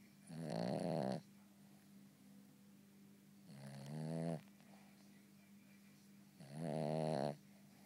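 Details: Cavalier dog asleep: three slow, rattling, fluttering snores about three seconds apart, roughly 20 breaths a minute; snoring.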